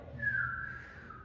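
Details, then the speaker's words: Teaching demonstration of an imitated inspiratory wheeze: a brief, breathy whistle drawn inward from a narrowed airway. Wheezes are usually expiratory and become inspiratory as well only when severe. "Entonces, eh digamos que como aquí es mucho más estrecho el diámetro, la cibilancia, por eso se llama así, porque parece un sinbar y para afuera,"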